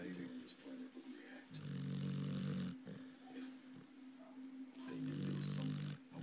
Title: Dixie snoring